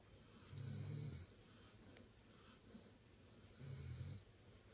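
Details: Labrador Retriever puppy and Weimaraner sleeping and snoring: two quiet, low snores about three seconds apart, with soft breathing and faint room noise.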